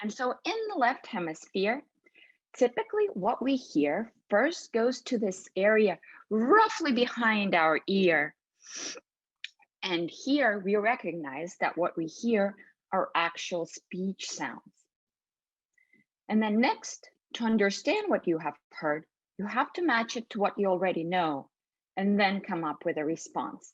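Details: Adult woman speaking; ordinary speech.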